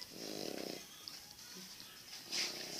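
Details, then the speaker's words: Sleeping pet dog snoring: a fluttering, rattling snore on the breath, then quieter breathing and a second, softer snore, with faint background noise. "mira cómo duerme o todo está durmiendo siempre es eso ronquido"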